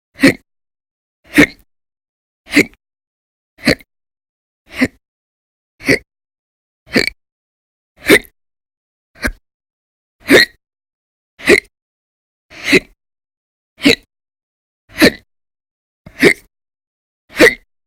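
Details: Audio-only recording of persistent hiccups lasting many hours per day over December 2019, described as violent and very loud; sixteen sharp, abrupt hiccups at a steady 52 per minute separated by silence. Hiccups (singultus).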